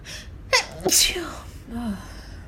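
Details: Allergy sneezes triggered by dust while cleaning the house: a sharp inhaled catch followed by a forceful, hissing sneeze burst; sneezing.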